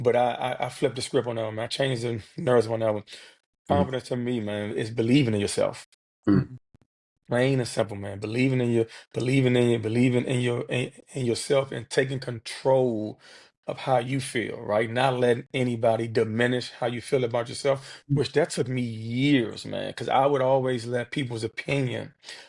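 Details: Adult man who has stuttered since childhood, in a real interview, with repetitions of sounds, words and phrases; stuttering.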